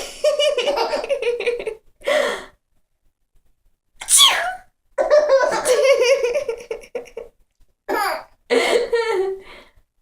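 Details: A sharp sneeze burst from the mother stands out among her infant's repeated belly laughs at the sneezing. Finding: sneezing.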